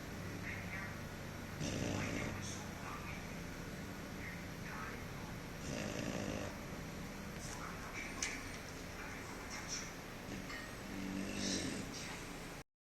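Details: Snoring after eating, like a pig: low snorting snores recurring irregularly against steady room noise, three louder ones a few seconds apart.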